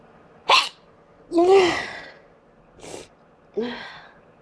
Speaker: Gonna sneeze. Chill. Gonna sneeze. I'm gonna sneeze again.